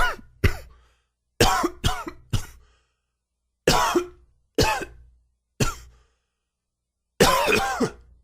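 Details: Adult with a very dry, wheezy cough attributed to allergies, about eight dry, harsh coughs in short clusters with a tight wheezy edge.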